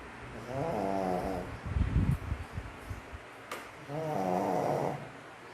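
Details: Loud, buzzing snores on breaths in, with snuffling between them, from Max, a sleeping pug; snoring.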